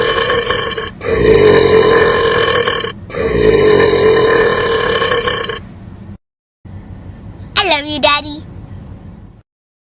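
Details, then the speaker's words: Girl burping after taking several small sips of root beer: two long, loud, rumbling belches, then a brief child's voice; ordinary burping. "I take my burping very seriously. Step number 1, open it up."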